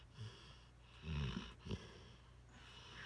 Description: Trucker the mastiff mix snoring while laying on my lap.